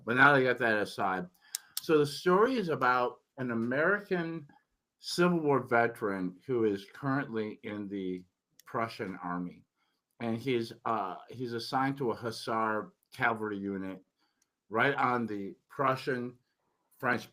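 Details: Adult male recovering from tongue cancer after chemotherapy and radiation, tongue still somewhat swollen from treatment, previously unable to speak for a while; finding: articulation impairment after tongue cancer treatment.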